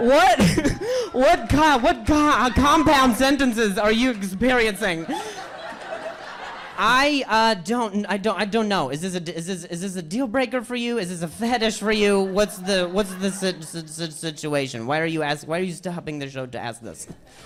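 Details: Male stand-up comedian whose stutter was acquired at age 20, appearing the day after a softball hit his throat (minor vocal contusion, major concussion); no stutter in childhood; acquired stuttering.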